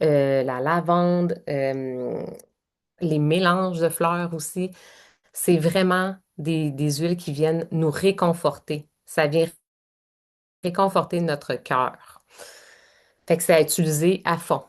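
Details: Adult woman speaking French; normal voice.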